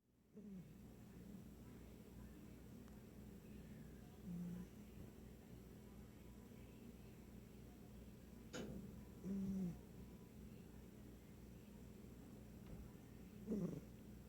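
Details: Pet cat asleep on its owner's lap snoring loudly, with soft, low, rattling snores over a steady low room hum.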